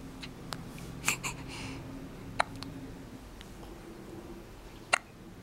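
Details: Hiccups: soft, brief hiccup clicks a couple of seconds apart against quiet room hiss.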